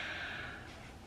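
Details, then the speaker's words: Adult in their 40s with pulmonary sarcoidosis flare, talking while short of breath, takes a single loud, airy intake of breath mid-speech: audible breathlessness, a gasp for air. "Um, I've gotten some comments about it, so I know that it's apparent that I've been dealing with a lot of shortness of breath as of late. Um, you can hear it in my videos when I'm talking."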